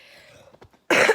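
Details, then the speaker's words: Adult woman recovering from a viral illness with heavy nasal congestion and no sore throat; a few quiet breathy sounds, then a single loud, harsh cough burst, which she attributes to having just finished eating. "Là, je tousse, on dirait, juste parce que je viens de finir de manger, puis je sais pas."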